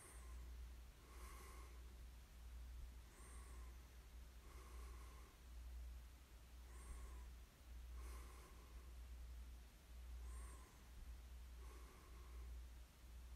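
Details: Snoring during sleep: soft, snorting breaths recurring about 27 times a minute under a strong low hum; light snoring.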